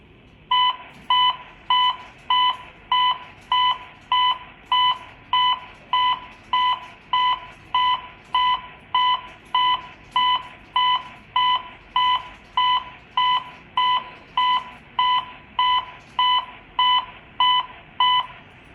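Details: Simulated CPR on a uDEF T5 AED trainer: steady electronic metronome beeps at about 100 a minute pace chest compressions, alongside CPR voice prompts after the shock is delivered.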